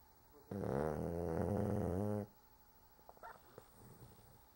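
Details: A sleeping male dog snoring, possibly passing gas too: one long, rattling, growl-like snore followed by quiet breathing and faint room noise.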